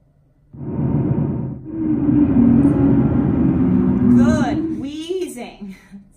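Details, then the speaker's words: Wheezing played on a simulation torso: loud, continuous musical whistling breath sounds, typically heard at end expiration, indicating constriction of the bronchioles. "and what does wheezing tell me constriction of the bronchioles right okay and usually I hear it on end expiration whereas with the crackles inspiration"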